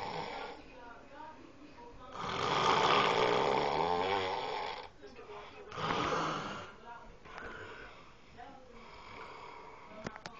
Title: Snoring #2